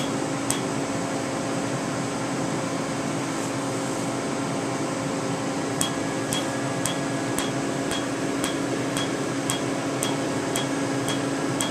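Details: Sharp, regular snaps about twice a second over a steady machine hum, from Q-switched Candela TriVantage laser tattoo removal under topical anesthetic cream, with 755 nm alexandrite pulses for the green ink.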